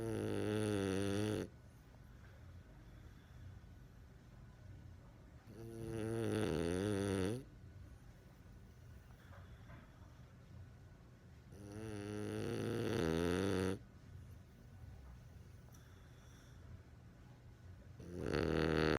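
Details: French Bulldog puppy snoring seconds after lying down, sometimes waking himself, occasionally with eyes open: soft, uneven snores, roughly 10 breaths a minute, quiet room noise between.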